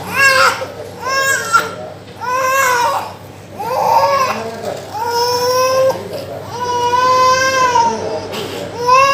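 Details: Sustained loud wailing cries from a young child in a small room, distressed crying during steam inhalation treatment (nebulizing) for a persistent cough with phlegm that won't come out.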